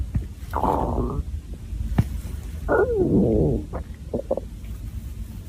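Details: Stomach growling (borborygmi) from a hungry girl: low rumbling, gurgling and squeaky growls from the belly in two longer runs with short bursts between.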